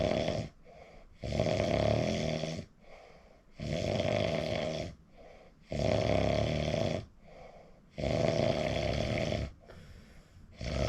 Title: recording myself WOW I REALLY SNORE SNORE 😴 😪